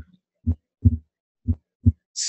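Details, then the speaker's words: Harvey cardiology simulator with heart sounds timed to respiration: each beat a thump, then a second sound that separates into two close parts with inspiration, a subtle, normal physiological splitting of the second heart sound. "of the second sound that may be a little subtle"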